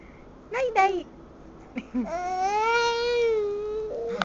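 Short vocal bursts, then a sustained wailing cry from a young child in a quiet room; an ordinary infant cry.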